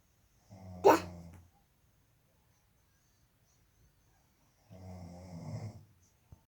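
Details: Father snoring during sleep, recorded by a family member bothered by the noise: two snorts separated by silence, the first short and sharp, the second longer and buzzing.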